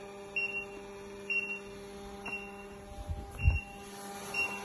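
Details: Meditech Defi9 biphasic manual defibrillator-monitor: repeated short high electronic beeps, about one a second, over steady room hum after a 100 J shock is delivered; defibrillator alert tones after shock.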